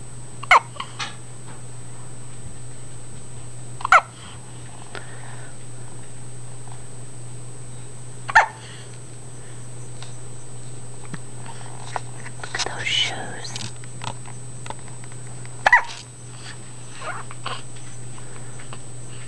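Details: Four sharp, brief hiccups spaced a few seconds apart over steady room hum; repeated hiccups.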